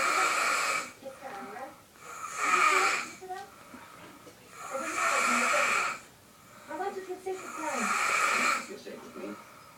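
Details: Little snoring: regular, soft, rattling snores on breathing in, about 24 breaths a minute, in a quiet room.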